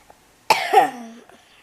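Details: Single sharp, harsh cough with a brief voiced tail in a quiet room, from someone who is ill while reading a bedtime story aloud.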